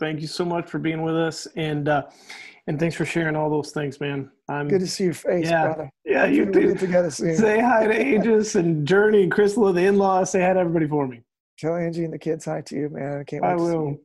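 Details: Adult male speaker; ordinary speech.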